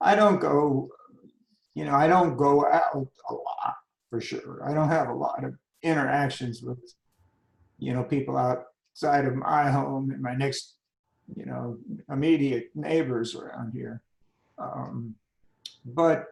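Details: Adult man with spasmodic dysphonia that began at age 51, managed without Botox; spasmodic dysphonia.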